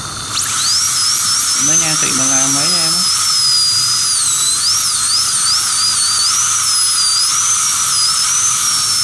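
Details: Steady high-pitched high-speed dental drill whine with wavering pitch and a brief voice early, during crown tooth preparation using a gum protector for aesthetic restoration.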